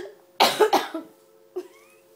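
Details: Adult gives a quick run of three loose coughs then a softer short sound over steady low room hum; plain cough.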